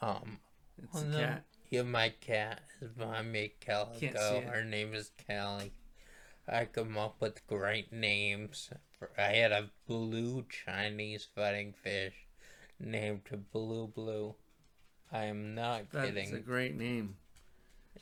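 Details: Male stroke survivor who attributes his voice to the stroke and mentions past brain surgery for a brain tumor; dysarthria after stroke.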